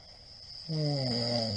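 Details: Middle-aged man's snoring recorded 28 March 2022 during sleep: loud, buzzing, rough snore rising abruptly out of quiet breathing, with a steady high background hum.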